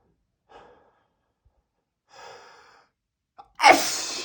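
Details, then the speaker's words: Two rising breathy inhalations and a brief catch, then one loud explosive adult sneeze; a huge but ordinary sneeze. "I'm going to sneeze. You I need to sneeze. I'm going to sneeze."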